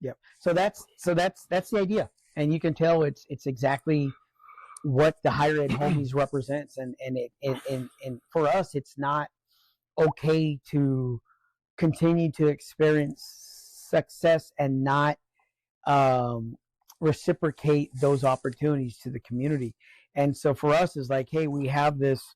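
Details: Adult man with acquired neurogenic stuttering since a stroke: occasional, mainly on words starting with S and R, where the word won't come out; he is in therapy and attending medical appointments for it.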